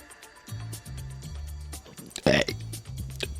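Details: Deliberate voluntary burps shaped into letters of the alphabet, reciting the ABCs, over background music: burping.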